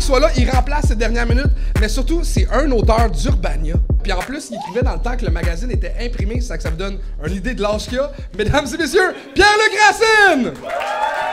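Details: Adult male host speaking French; typical speech.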